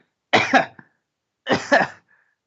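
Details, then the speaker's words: Adult: two separate harsh cough bursts, each short and followed by a faint catch of breath. "Had to fucking cough right there. Feels bad. This noise came out of nowhere, dude."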